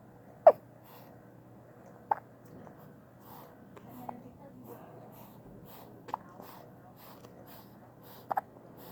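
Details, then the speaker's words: Infant just after first bath and bottle feeding, held by mother: five brief, sharp catching sounds spaced a few seconds apart in a quiet room; hiccups, not a wheeze. "has the hiccups. She got her first bath today and just finished feeding with the bottle."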